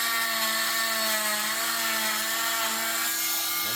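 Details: Oscillating cast saw that vibrates rather than spins, cutting a cast off a patient's arm with a little pressure during removal: steady, loud, high buzzing whine.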